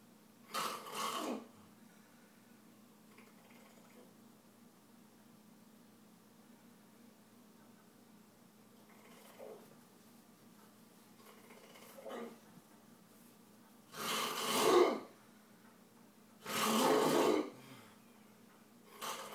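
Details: Very bad snoring: loud, harsh snores at irregular intervals separated by quieter breathing, over a steady low room hum.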